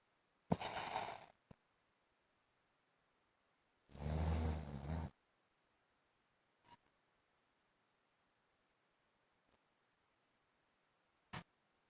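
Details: Adult man (husband) snoring during sleep: two loud, harsh breathing bursts, one with a low buzzing, motorbike-like rumble, separated by near silence; loud snoring.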